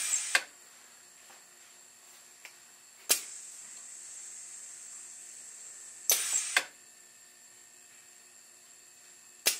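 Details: Sharp mechanical clicks about every three seconds with a steady airy hiss from a proof-of-concept ventilator, an air-cylinder-driven rubber ram compressing a 1500 ml manual resuscitator bag; mechanical ventilator cycling.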